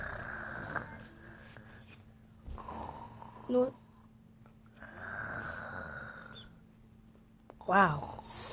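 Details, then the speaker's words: Repeated slow, rumbling snores with pauses between breaths from Mario, asleep in a skit, and a brief voice in the room; snoring. "what the heck is going on why is he snoring and why are you not to bed I'm sorry he just keep on snoring and I can't sleep"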